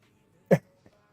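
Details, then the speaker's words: A single short, harsh cough burst in a quiet room during a live stream; the cough is called bad and the speaker suspects they have COVID, untested; cough. "Yeah, your cough is bad. Yeah. I think I probably just... have COVID."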